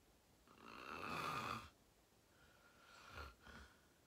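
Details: Long rough inward snore, then weaker second snore with brief snort, over quiet room noise; person filming themselves sleeping, fell asleep fast around 8:45, described as deep REM sleep; sleep apnea tagged.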